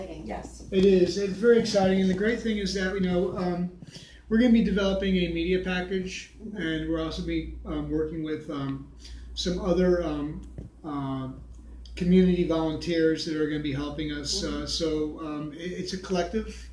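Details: Adult speaker; normal speech.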